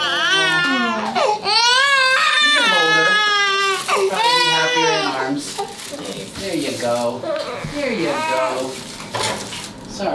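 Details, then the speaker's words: Sick infant at a doctor's office visit, thought to be teething top teeth, who began recognizing strangers a couple of days ago: loud, sustained crying with rising and falling wails, gasping pauses, softer sobbing; stranger anxiety. "this is new just a couple days ago she started recognizing the stranger"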